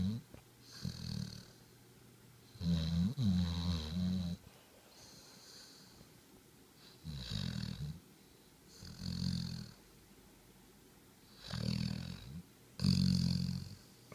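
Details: Snoring while asleep with tongue out: repeated snorting snores on both inspiration and expiration, short pauses, about 25 breaths per minute.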